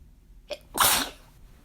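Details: Deliberate attempt at a "girly" sneeze that came out too strong: a short breath in, then one loud, hissing sneeze burst.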